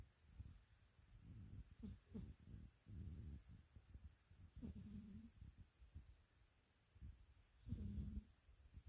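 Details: Sleeping cat snoring: soft, low rumbling breaths recurring every few seconds with faint nasal buzzing.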